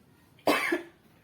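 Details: Single forceful cough burst from an adult asthma patient still coughing, during a nurse-guided effective cough technique demonstration to clear mucus, coughing to the left into a tissue after deep breaths.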